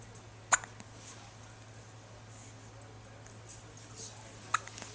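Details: Hiccups: two brief, sharp hiccup sounds about four seconds apart against quiet room hiss, with some cute noises.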